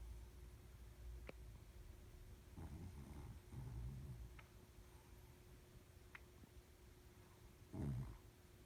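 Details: Quiet, low rumbling snores, irregular and faint against room noise, from a sleeping Shih Tzu.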